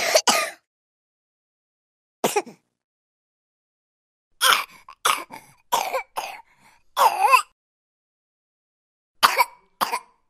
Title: Baby Coughing sound effect l សំឡេងទារកក្អក